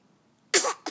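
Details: A sudden, sharp, hissing burst of air followed by a brief second puff after near silence during a post-meal yawning routine: a single sneeze.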